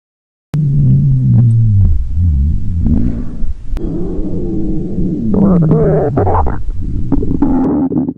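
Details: Loud, drawn-out gurgling and rumbling stomach growls with shifting pitch from a high school girl, in an acted scene of sudden hunger at a movie theater and later at home.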